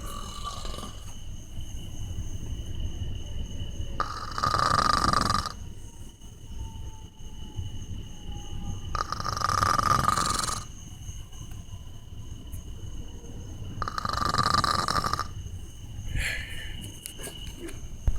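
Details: Drunk man passed out asleep: loud rasping snores about every five seconds, roughly 12 a minute, with quieter breathing between; heavy snoring.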